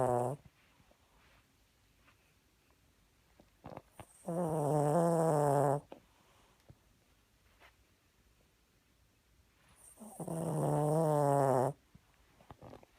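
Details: Two long, buzzing, vibrating snores about six seconds apart with quiet pauses between; snoring during sleep, a recurring habit.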